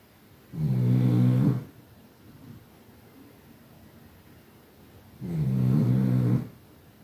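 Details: Pug (small flat-faced dog) snoring: two loud, low, rattling snores separated by a quiet pause.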